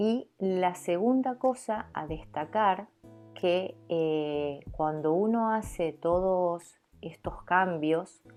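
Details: Stuttering in an adult Argentine woman speaking Spanish.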